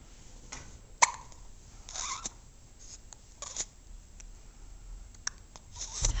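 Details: A young girl with recurrent hiccups after getting dressed and eating breakfast: a few brief, abrupt hiccup sounds spaced seconds apart against soft room noise.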